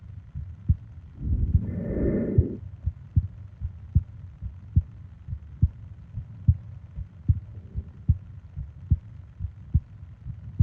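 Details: Steady, low heart thumps at about 71 a minute with one soft breath sound early on, from a 20-minute ASMR heartbeat and breathing sleep recording; a normal resting heartbeat.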